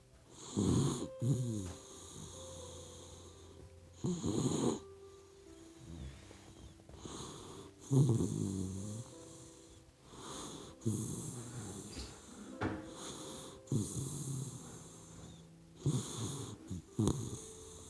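Rhythmic snuffling snores from a sleeping puppy, roughly every three to four seconds, with music in the background.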